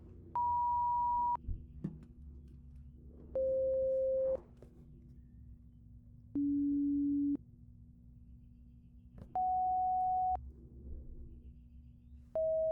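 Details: Simulated ASMR hearing-exam roleplay: pure-tone audiometry beep tones played through headphones, first in both ears and then the right side, with the last tone lasting two minutes.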